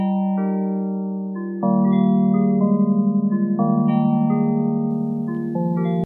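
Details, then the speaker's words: Widex Zen fractal tone tinnitus therapy sound played from hearing aid fitting software: melodic chiming tones. "जैसा कि हम इस कार्यक्रम में क्लिक करते हैं, यह उन विभिन्न ज़ेन उपचारों का खुलासा करता है जिन्हें आप चुन सकते हैं।"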